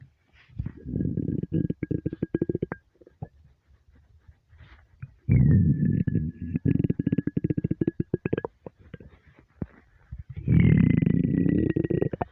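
Long, loud, bubbling growls with a squeaky whistling edge, in several waves: hunger stomach rumbling, a normal bowel sound.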